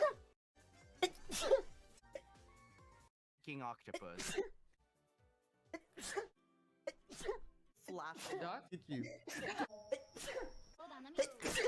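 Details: Compilation of sneezes by a VTuber from livestreams: several short explosive sneeze bursts with brief intakes between them over some background sound.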